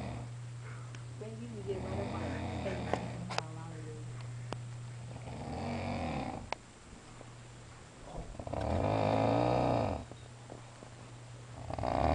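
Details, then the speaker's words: Heavy snoring from a sleeping adult man at midnight: loud, deep rumbling snores, several long rattling breaths with quieter pauses between, over a steady low hum. "ladies and gentlemen that sound you are hearing it's not a machine it's not even an animal it's a human being he's enjoying his midnight Z's"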